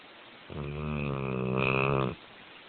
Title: Cow snores